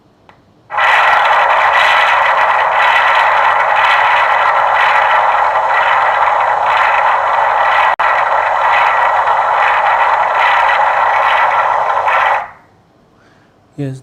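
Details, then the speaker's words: Doppler ultrasound of a vein joining the main body of a normally functioning arteriovenous fistula, peak systolic velocity around 120. Loud continuous whoosh with faint pulsing, steady high flow. "vein is also getting flow of around 120 peak systolic velocity then this mean actually it joins this is the main body of fistula"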